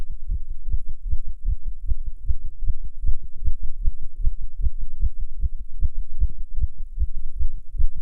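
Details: Heartbeat recorded in a non-smoker while smoking a cigarette: fast, regular low thumps at roughly 150 per minute; tachycardia from nicotine.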